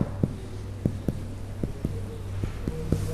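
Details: Cardiac examination percussion over the third intercostal space, tapping from outside inward: sharp finger taps give a hollow, normal resonant note.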